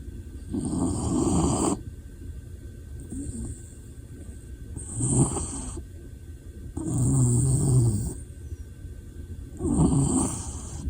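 Loud, rough, rattling breaths repeat about every three seconds, roughly 20 a minute, with quieter exhalations between them; typical snoring.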